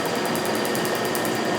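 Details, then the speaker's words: Rapid regular snapping clicks, about ten per second, from a Q-switched laser removing part of a multicolour tattoo (second treatment); snapping is the desired response. "oftentimes when we have one tattoo close to another that we want to keep we use something to block the laser so it's not to cause damage to the tattoo that's desired to be remain and you hear the snapping sound"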